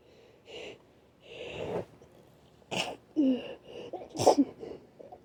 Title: Trying to Induce (wet and cloggy sniffles, groaning, coughing, 8 stifled sneezes and nose blows)